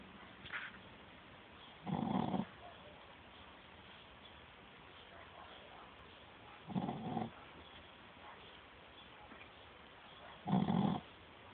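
Short, low, rumbling snorts every four to five seconds, about 14 a minute, against a quiet background: snoring in a sleeping dog.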